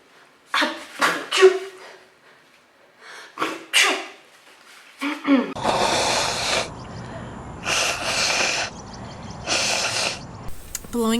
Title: Forgotten Sneezes and Nose blows Part 1